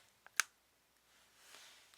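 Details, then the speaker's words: An adult's temporomandibular joint clicks on opening: one sharp click with a fainter, softer click just before it. The jaw-joint noise is described as a side effect of orthodontic treatment. "저도 턱관절 환자의 요 뭐 교정 치료 부작용으로 지금 턱관절 소리 나고 있는데 뭐 그 얘기는 제 책에도 썼구요"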